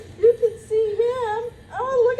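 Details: Short, tonal, wavering cries from a newborn baby boy in hospital just after birth, born earlier than expected, with quiet room sounds: a normal newborn cry.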